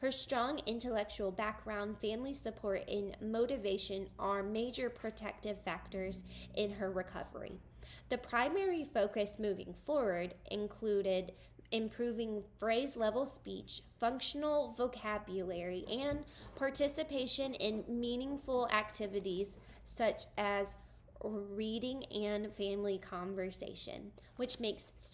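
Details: Adult woman; typical speech.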